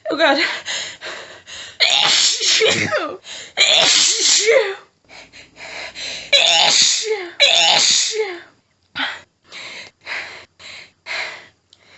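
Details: Adult female, nose tickly all day, unable to stifle: rapid run of about fifteen forceful sneezes with quick gasping breaths between, a paroxysmal sneezing fit.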